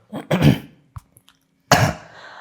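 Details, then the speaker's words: An adult man with throat pain, phlegm and cough after a fever since last Saturday, whose throat dries after talking briefly: a brief cough with throat clearing, then a second harsh cough burst. "Just ಒಂದಎರಡು ನಿಮಿಷ ಮಾತಾಡಿದ್ರೆ ಗಂಟಲು ಒಣಗುತ್ತೆ ಕೆಮ್ಮು start ಆಗುತ್ತೆ"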